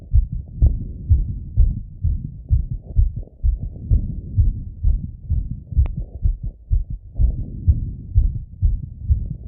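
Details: Male, heart auscultated with stethoscope right after a workout set: fast, regular heartbeat at about 128 a minute; normal exercise-raised heart rate and heart sounds.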